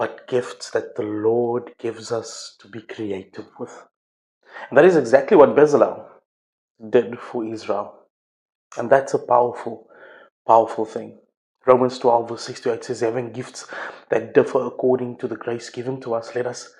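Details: Adult male speaker; ordinary speech.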